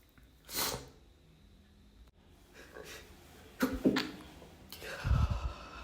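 Several short, muffled bursts of air with quick breaths between them: sneezes held back to stay quiet.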